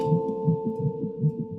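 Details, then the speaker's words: Fetal heartbeat heard on a handheld fetal Doppler pressed to the pregnant woman's belly during a prenatal home visit by a midwife, on her couch. "She presses the wand to Monica's belly and the sound of her baby's heartbeat fills the room."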